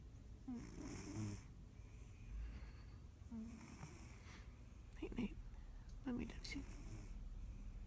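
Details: Low rattling snores on each breath in, with a few short snorts, in a quiet room; ordinary snoring.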